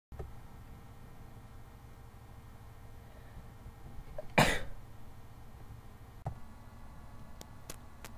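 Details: Single sharp, explosive sneeze in a quiet room followed by a faint click, one of a sneezing attack with an open window and a badly runny nose; sneeze.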